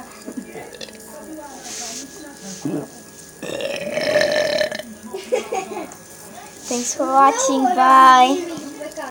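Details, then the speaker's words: Deliberate burping done without soda or Coca-Cola: a few low belches among voiced, talk-like sounds, with one longer rough belch; burping. "we're making another video. Burping. Without soda and Coca-Cola."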